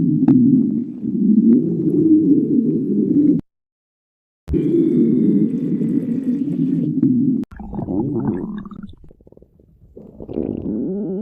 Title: Sticks the badger stomach growling 23